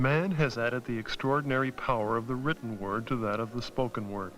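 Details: Adult male narrator; normal speech.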